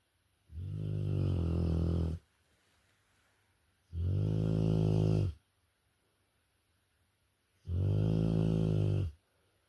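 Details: Rottweiler dog sleeping, three long, loud, rumbling snores on the in-breath about 3.5 seconds apart with quiet pauses; snoring loud enough to disturb sleep.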